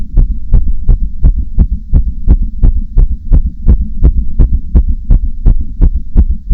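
Loud, regular heartbeat thumps at a fast rate of roughly 170 beats a minute, with a low hum underneath.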